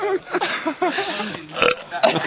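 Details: Several low, gurgling voiced belches in quick succession from the best men during a wedding toast; burping.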